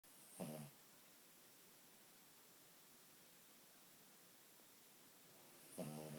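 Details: Female King Charles Spaniel dog snoring while asleep: two brief, rasping snorts about five seconds apart against a steady background hiss. Light snoring.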